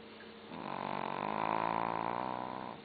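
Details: Single drawn-out, buzzing snore from a sleeping long-coat Chihuahua, with faint room noise and TV in the background.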